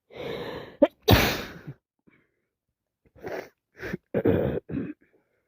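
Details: Person after three colds in a row, now with sinusitis: a loud wet sneeze after a drawn-in breath, then a run of smaller wet sneezes and sniffs.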